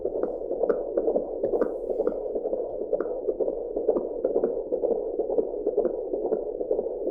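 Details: Fetal heartbeat recorded with an Angel Sounds home Doppler: fast, steady galloping whoosh at about 128 beats per minute.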